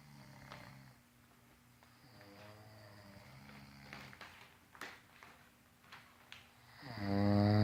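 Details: Two sleepers snoring together: rumbling, rattling snores with some clicks, ending in a loud throaty snort; snoring.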